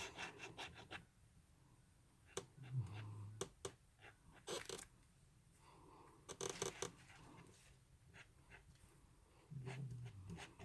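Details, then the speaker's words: A dog sleeping under a desk snores during a card-making recording: two low, rumbling snores about seven seconds apart under crafting clicks and rustling in a quiet room; ordinary snoring. "I don't know if you can hear Clifford snoring under my desk, but that's what's happening right now."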